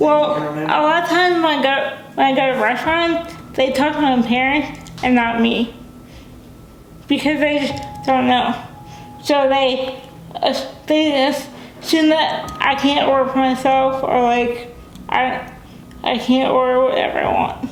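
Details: Dysarthria in a young adult woman with cerebral palsy, a brain injury before birth. She uses a wheelchair, has limited fine motor skills, and says she is sometimes hard to understand.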